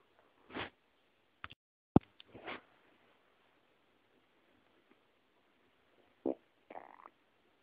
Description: English: New sounds of my empty and hungry stomach. Have fun and enjoy.